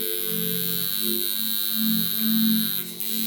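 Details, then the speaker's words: High-frequency skin therapy device running at about half power, neon glow at the electrode, sometimes giving a surprising painless zap: steady electrical buzz with a high whine and shifting low hum. "e zapping that it gives you can give you a scare it doesn't hurt but it's like you're not expecting it so that's why i'm doing this video to make sure that you know that that's what's happening"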